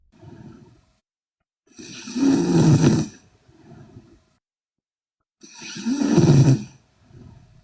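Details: Sleeping Korean girl snoring heavily: loud, rough, rattling snores on each in-breath with quieter out-breaths, about two breathing cycles every seven seconds.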